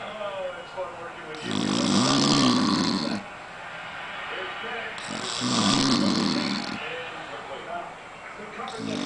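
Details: Man dozing in the middle of the day with a football broadcast in the background: loud, rattling snores on each breath in, two full cycles at roughly ten breaths a minute, with quieter breaths out between them.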